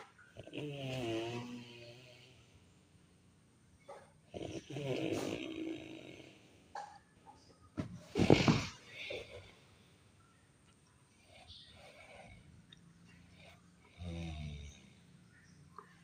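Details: Loud, rattling, melodious-sounding snores on breathing in, with quieter breaths between; snoring.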